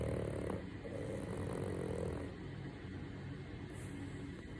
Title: Peaceful sleeping snoring angels.